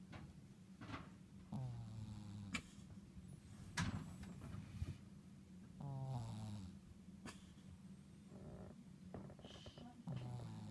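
Repeated low, rattling snores during sleep breathing, with some higher squeaky tones between them; typical snoring.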